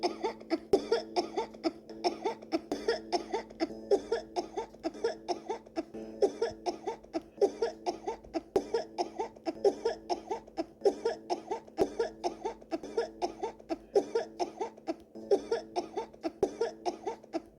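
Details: A child imitates coughing: a long run of short, voiced, high-pitched coughs, roughly two per second, over a steady hum.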